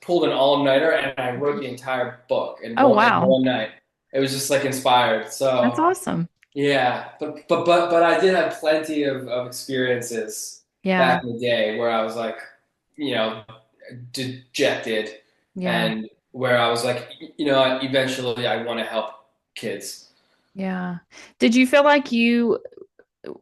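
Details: Adult man who has stuttered since childhood and still stutters; stuttering.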